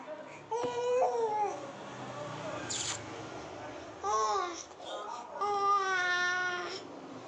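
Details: Short whimpering cries and fussing vocal sounds from a baby in a small room, with a brief noise burst; ordinary infant crying, described as funny.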